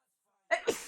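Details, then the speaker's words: Natural sneeze from a person with a cold who has been sneezing repeatedly and wonders about an allergy: a short voiced intake followed by an explosive, noisy burst. "I'm sneezing a lot and it's still it started to trigger me what maybe I'm allergic to you like man I don't want this I really don't want this"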